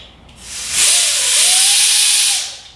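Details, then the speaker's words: Loud airy hiss rising with a faint whistling tone: high-speed dental handpiece run after being sprayed with lubricant for two seconds during maintenance. "these particular handpieces you want to hook back up and run them"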